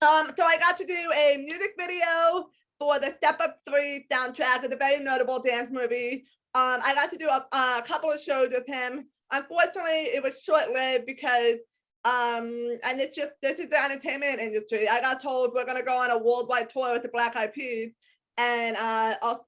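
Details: Speech of an adult woman with congenital hearing impairment, diagnosed at age 3–4, who wears hearing aids in both ears, is completely deaf to high-pitched sounds, and has a speech impediment persisting despite extensive speech therapy.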